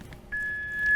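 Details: Training demonstration of an automated external defibrillator on a simulated patient, pads placed on bare chest: a single steady electronic beep as the AED begins analyzing heart rhythm.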